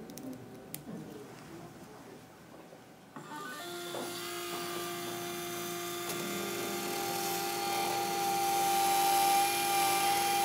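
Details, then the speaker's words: Dental implant site widening with the 3.0 mm twist drill to 13 mm depth for a 3.75 × 13 mm MIS C1 implant: motor starts with a steady whine rising slightly in pitch. "we're drilling to 13 millimeter depth so I would use our 13 millimeter length drill as a built-in stopper to prevent me from over drilling in the interest of time I'm going to drill rather quickly"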